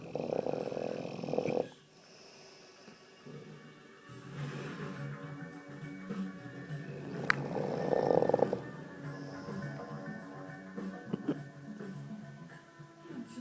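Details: Dogue de Bordeaux snoring with its mouth open: loud, rough snoring breaths with some croaking and snorting, with background music.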